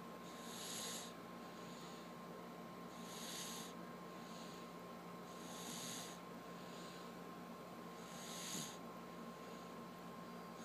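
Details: Sleeping baby snoring: soft, airy snorting breaths about every two and a half seconds, roughly 23 a minute, over a steady room hum.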